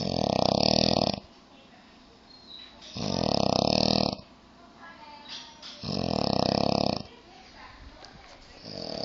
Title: This dude can snore and he is drooling on couch.